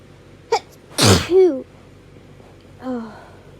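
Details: A sharp in-breath, then a single loud explosive sneeze and a brief vocal sound afterward, from an adult's bad hay fever allergies.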